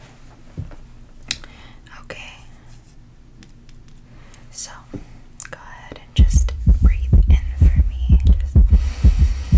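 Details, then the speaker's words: ASMR role-play of an anxious, restless patient with a racing heart at night. Loud, regular heartbeats through a stethoscope at about 125 per minute, noted as beating a little fast: rapid heartbeat. "okay okay well your heart is definitely beating a little fast um would you say that you have coffee every single day"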